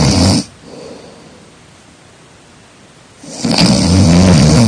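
Loud, rough snoring sounds with a quiet pause between them.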